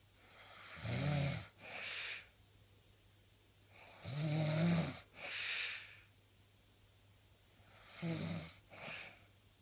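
Three rattling breaths in, each followed by a hissing breath out, about 17 a minute; steady snoring over a low hum.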